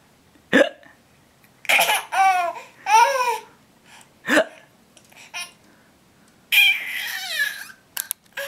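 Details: Person with hiccups: two or three sharp, abrupt hiccup sounds with laughing and babbling between them.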